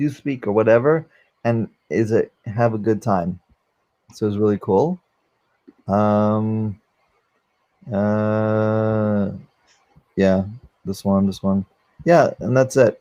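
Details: 44-year-old man, former NYC paramedic, with aphasia from a stroke during valve surgery, unable to use one arm; aphasia.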